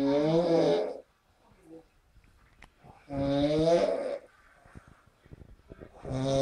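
Loud, rattling snores on each breath in, with quiet breathing out between them, about 19 a minute: snoring.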